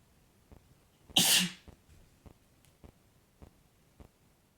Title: Boyfriend sneezes again (m)